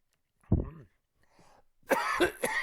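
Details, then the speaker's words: Adult coughing mid-lesson: one voiced cough, a softer breath, then a couple of louder cough-like bursts, with a sneeze said to follow; real spontaneous cough. "my apologies okay got it correct and now i'm gonna sneeze first i cough then i sneeze excuse me wow having a hard time"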